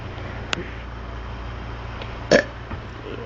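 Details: Brother burping: a single short, low belch with a faint click before it, against steady background noise.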